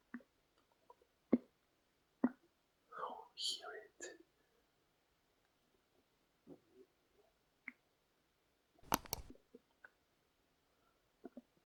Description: Hear my Male Stomach Growling digestion sounds